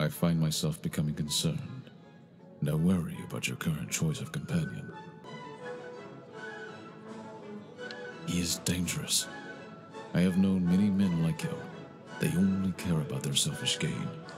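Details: Adult male voice actor, game character dialogue; normal voice.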